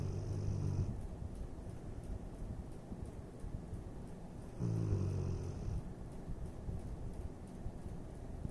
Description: Porky snoring the day away!